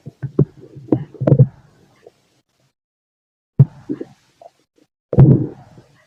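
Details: Adult male's stomach growling heard through a stethoscope: three bursts of low gurgling rumbles separated by quiet pauses; ordinary borborygmi.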